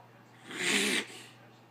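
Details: A single harsh, noisy snorting pull of air through the nose of an 11-year-old female greyhound; reverse sneeze.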